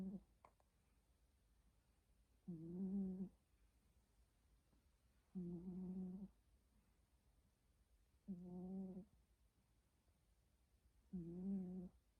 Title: 고양이 코고는 소리!! 코골이!!